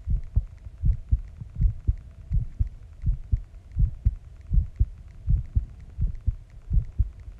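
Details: Normal heartbeat recorded after a shower, as an ASMR heartbeat recording.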